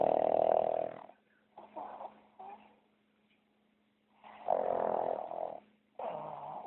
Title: snoring while he sleeps